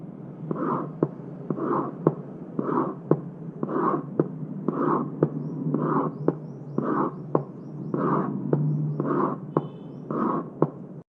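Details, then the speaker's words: Pansystolic murmur of mitral regurgitation, regular rhythm near 58/min: blowing murmur starting with S1 and obscuring it, filling each systole. "Panystolic murmur in mital regurgitation. It starts with S1 so obscures S1. It has a blowing quality."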